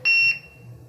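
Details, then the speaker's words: SeQual eQuinox portable oxygen concentrator being powered off by holding the power button about two seconds; a single short, high electronic power-off beep. "and to power the device off you would hold the power button down for about two seconds and release it"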